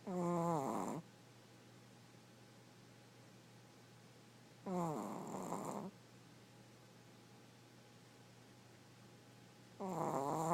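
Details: 5-year-old Chihuahua weighing 4.5 lb snoring loudly while asleep: three loud, rattling snores about five seconds apart, around 13 a minute, with quiet between them.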